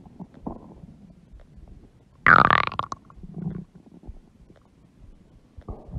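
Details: Low gurgling rumbles from a large belly with one loud, longer growl midway; stomach growling (borborygmi) from gut movement.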